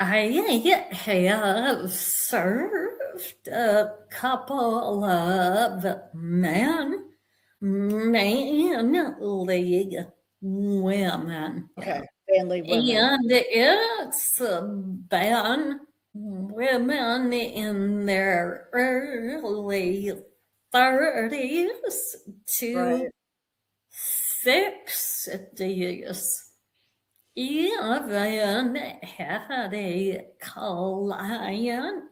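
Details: Vocal tremor in a woman, real, which she and the description attribute to over five decades of narcissistic abuse and trauma beginning at age five.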